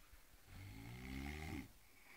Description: en pleno ronquido....